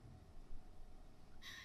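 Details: A sudden, brief, high-pitched hoot-like squeak over quiet room noise: an involuntary vocal tic from an adult woman with Tourette syndrome, diagnosed at age 9, heard during a public talk.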